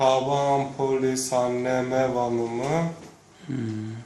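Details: Male who stutters, recorded after therapy for comparison with recordings from a year earlier; treated stuttering with prolonged speech.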